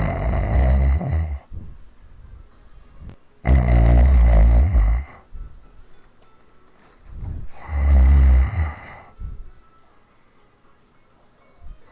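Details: Heavy snoring recorded in 2015: three loud, rough snores on in-breaths, about 15 a minute, separated by quiet out-breaths.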